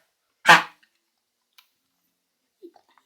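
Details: Dog with kennel cough: one harsh, honking cough burst in a quiet room.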